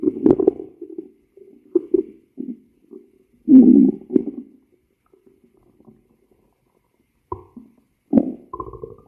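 Low gurgling and rumbling bursts with silent gaps; ordinary stomach growling from gas and fluid moving through the bowel.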